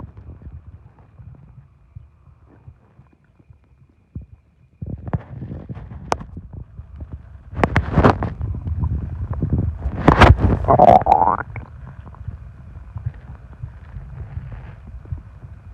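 Irregular low rumbling and gurgling from the belly with a brief squeaky groan, typical stomach growling.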